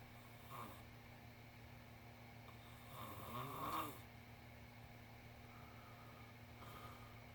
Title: This Must Be Oreo The Cat Snoring